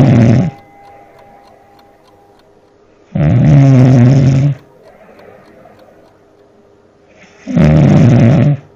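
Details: Man who fell asleep on a voice chat call snoring really loudly: deep rattling snores, roughly one every four seconds, with quiet breathing between.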